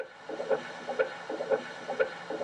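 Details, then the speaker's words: Esophageal Doppler monitor intracardiac waveform: repeating whooshing pulses about twice a second over a steady hiss, meaning the probe is picking up intracardiac flow, not descending aortic flow. "this is an example of an intracardiac waveform"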